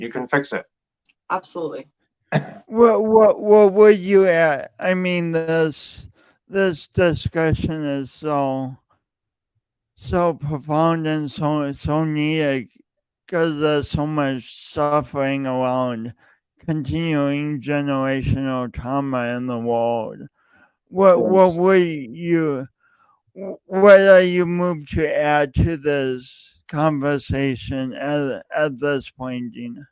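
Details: Male podcast host who says his speech impediment is audible every time he speaks; speech impediment (disfluency).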